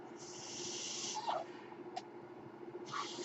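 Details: Mechanical ventilator sound heard in the background while the ventilated man using it speaks, introducing a podcast.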